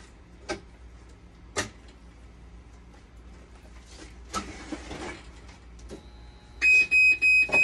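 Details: Dialysis machine under repair for conductivity, 12-volt and BP cuff faults: clicks and handling noise, then a steady tone and a series of loud repeated electronic beeps, an alarm sounding.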